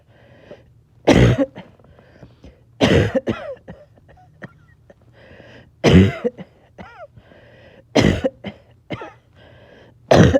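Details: Person a little short of breath, back-to-back coughing fits clipped together: repeated bursts of harsh coughing, about five fits in ten seconds, with breathy catches in between.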